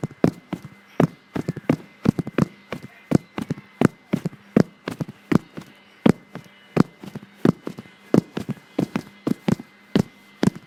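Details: Fast heartbeat recorded on a phone voice memo while the person was really tired: quick, regular thumping beats with sharp clicky edges, a fast heart rate.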